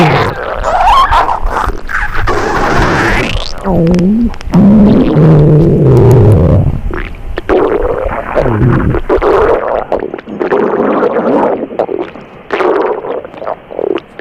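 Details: Simulated sound effect imitating an upset, sick stomach: loud, irregular gurgling and groaning rumbles with squelchy bursts.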